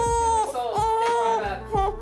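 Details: Loud, sustained high-pitched wailing bursts from a 2-week-old baby girl at her first chiropractic adjustment; reflux and torticollis are discussed, with physical therapy advised or a helmet may be needed.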